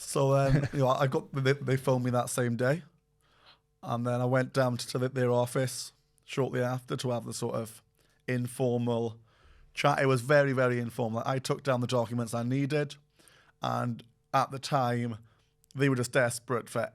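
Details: Adult man who stutters; stuttering.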